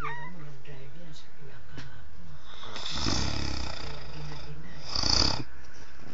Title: snores